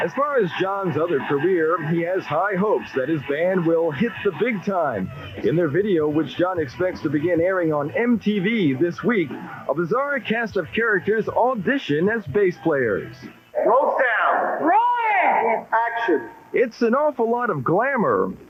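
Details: Adult male narrator; no disorder.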